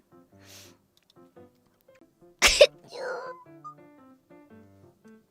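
A single sharp cough burst over quiet background music.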